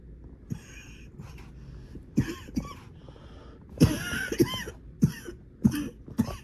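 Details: An adult with coughing fits in the middle of the night coughs repeatedly in a quiet room, about eight short harsh coughs in irregular bursts with throat clearing between them: a nocturnal coughing fit.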